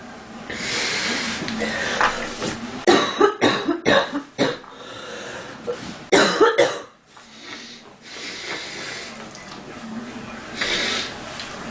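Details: Girl coughing while stuffy: a burst of about seven repeated coughs with throat clearing between them; ordinary cough.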